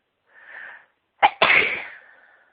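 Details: Ordinary sneeze from a person announcing beforehand that they were going to sneeze, during a sneezing fit: soft breath in, sharp catch, then one forceful sneeze that trails off.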